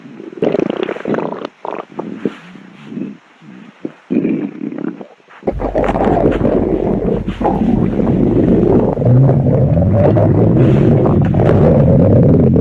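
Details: Stomach growling: low gurgling rumbles, first in short bursts, then a long continuous rolling growl, from gas and fluid moving through the gut; borborygmi.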